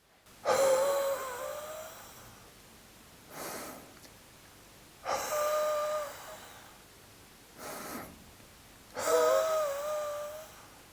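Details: Autogenic drainage demonstrated sitting upright, hands on chest and upper abdomen: a small breath in, then exhaling as far as possible, repeated 2–3 times. Three long exhalations with a faint whistle; airway clearance for loosening mucus.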